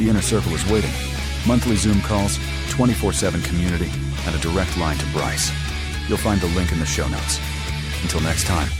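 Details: Adult male speaker; Ordinary speech.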